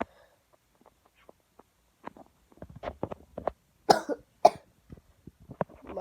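A run of short, irregular coughs and throat-clearing bursts, several louder harsh coughs among them; a plain cough.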